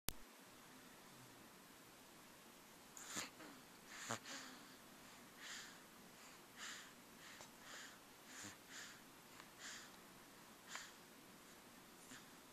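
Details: Sleep snoring, possibly in a baby, with soft, hissy nasal snorts repeating irregularly about once a second in a quiet room.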